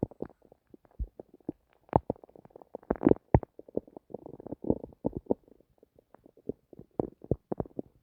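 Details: Rapid bursts of bubbling, popping and gurgling stomach noises, irregular and frequent, recorded while trying to sleep; active bowel sounds (borborygmi).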